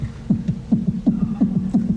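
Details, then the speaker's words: Heartbeat presented on a TV game show as that of a man during lovemaking, compared with frisbee playing: paired low lub-dub thumps at roughly 170 a minute, a fast heartbeat. "now listen carefully as to how much faster the heartbeat is when you're playing frisbee"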